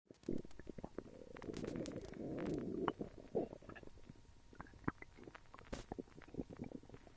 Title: Stomach noises